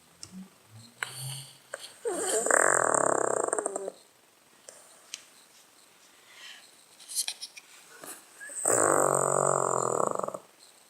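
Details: Blenheim Cavalier King Charles Spaniel snoring loudly, a daily habit: loud, rough, fluttering snores, one with each breath, with quieter breathing between them.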